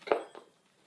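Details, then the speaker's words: A 13-year-old with Tourette syndrome makes a sudden brief voiced sound followed by a fainter echo, a simple vocal tic. Tourette's causes uncontrollable motor and vocal tics, and vocal tics are sounds. "There's motor and vocal tics. Vocal tics are sounds, and motor tics are movements."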